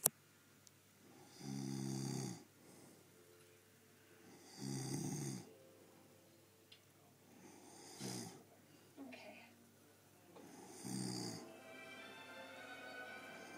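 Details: Snoring: rhythmic, rough, low snores about every three seconds, roughly 20 a minute, with softer breaths between them.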